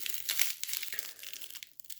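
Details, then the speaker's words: Crinkling, tearing hook-and-loop strap sounds as a CAT Gen 7 and a Rhino Rescue tourniquet are pulled loose and reset before weighing; tourniquet strap reset. "one last bit of measurement for the sake of for the sake of it got have to reset these tourniquets"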